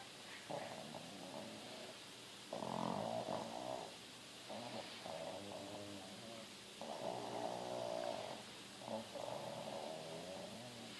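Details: Pug asleep: soft, regular, rattly snores with a snorting edge, about one every two seconds, from a flat-faced dog: snoring.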